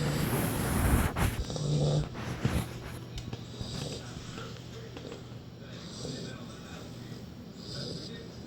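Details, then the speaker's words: Sleeping puppy snoring: low rumbling snorts, loudest early, then fading to quieter breathing noise, while someone says "Hey, stop snoring." "Hey, stop snoring. Hey, stop snoring."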